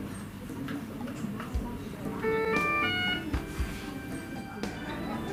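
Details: Syringe pump alarm in a cardiac intensive care unit; the pumps deliver medications through connected lines.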